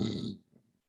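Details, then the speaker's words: Snoring imitated by a comedian, mimicking her 51-year-old husband who refuses a CPAP machine and is described as stopping breathing during sleep. "he snores i told him to get the cpap machine he refuses so uh it happened again this morning he woke up you know um he woke up for a minute but snoring woke me up for the whole morning and he sounds like this guy's"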